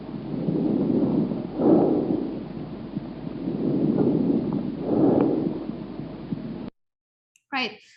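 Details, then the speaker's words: Bronchovesicular breath sounds: expiration more prominent than in vesicular breathing, yet continuous with no gap between inspiration and expiration. "the expiratory sound is more prominent than the vascular one but in bronchovascular it's still it's still continuous"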